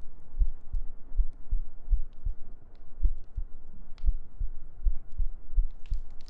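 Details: ASMR sleep-aid girlfriend cuddle role-play with heartbeats, gentle breathing and humming: soft, steady low thumps at about 70 beats a minute with faint breathing noise behind; a regular, normal heartbeat.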